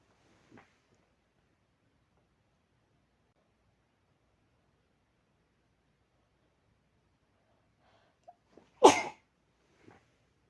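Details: Person whose nose has tingled since waking, who usually has hayfever controlled with pills and whose trigger is unknown, sneezes violently into cupped hands: a faint intake, then a single sharp, explosive sneeze. Sneezing.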